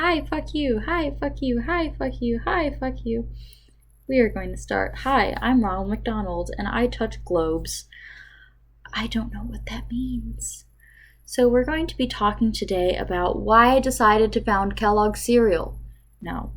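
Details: Adult woman with Tourette syndrome with coprolalia, who took her morning medication late, producing involuntary vocal tics including repeated offensive words and non-sequitur phrases; vocal tics with coprolalia (Tourette syndrome).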